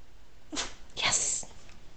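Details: Cattle dog performing a trained sneeze on command, still being taught: a couple of sharp, explosive nasal sneezes.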